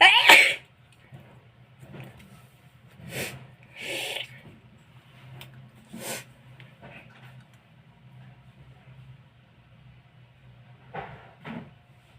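One loud sharp sneeze at the start, then a few fainter sneeze-like bursts and quiet breaths; ordinary sneezing.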